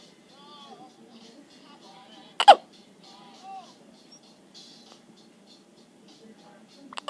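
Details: Girl with hiccups on day 15: a single sharp, abrupt hiccup amid soft background voices and faint music, possibly another at the end.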